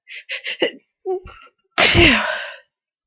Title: lots of buildup (cold sneezes)